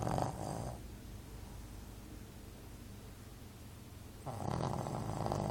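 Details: Shih Tzu dog snoring while asleep, lying down: two loud, fluttering snores separated by a quiet exhale.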